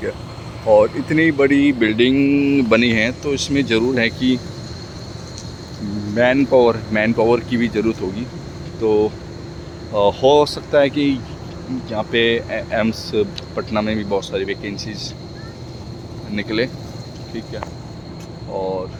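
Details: Man speaking Hindi who stammers, speaking for his own practice; word repetitions heard; stuttering.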